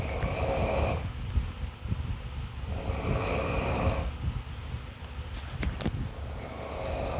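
Slow, breathy, rumbling snores about every three seconds under constant rustling noise: snoring.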